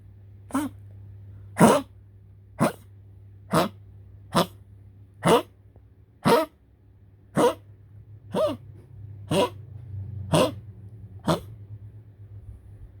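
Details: Persistent cough in a Poodle: about a dozen sharp coughing bursts roughly once a second against low room hum; continued coughing is said to risk suffocation and unconsciousness.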